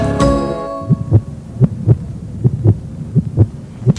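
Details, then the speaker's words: Paired heartbeat thumps at about 80 a minute after a brief musical note, presented in a children's hospital story as a child's heartbeat recorded while he was sick. "that was my heartbeat when I was sick yes it was"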